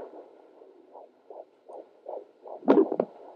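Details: Home rented Doppler at 14 weeks 1 day of pregnancy: fast, regular whooshing fetal heartbeat at about 155–160 a minute, consistently around 156–160, then a brief louder scrape; normal fetal heartbeat.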